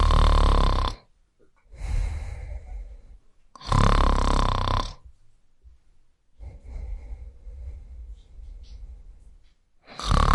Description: You can download and use this snoring sound effect for free in your own projects.